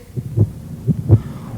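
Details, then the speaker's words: Children's cartoon: a boy's fast heartbeat while he has a fever of 102.2°F, played after his healthy heartbeat for comparison; low, quick paired heart thumps illustrating tachycardia. "so fast do you hear how fast it is sure do that's a sign that something is right"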